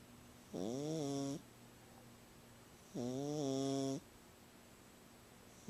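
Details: Sleeping female cat who snores whenever she sleeps, louder than usual this time: two long, buzzing, voiced breaths a few seconds apart with quiet between; snoring.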